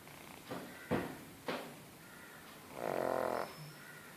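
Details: Pug snoring: snuffly snorts and a longer rattling, vibrating breath from a small flat-faced dog.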